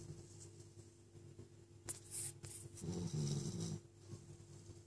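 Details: Sleeping puppy snoring: low fluttering snore on breathing, with a steady hum in the room.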